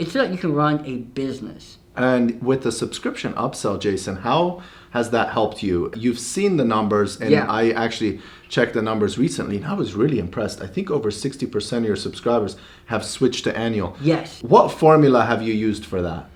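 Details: Adult male speaker; normal speech.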